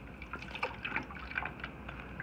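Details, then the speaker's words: Soft trickling and splashing as sterile water is squirted into the top of an Oasis Atrium chest tube drainage container while it is being set up. "you're gonna take that out all that is is sterile water you're gonna pop it in the top right here"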